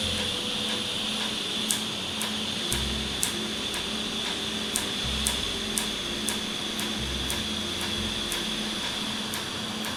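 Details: Laser tattoo removal treatment in Jamaica, after numbing cream; the patient reports little pain. A steady machine hum with a high whine and regular sharp snapping clicks about once a second as the laser fires and the ink frosts over.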